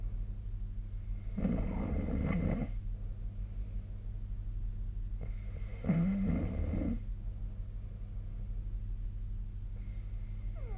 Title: 🐽 本日のイビキ / Snoring Sleep Sound 2025/02/06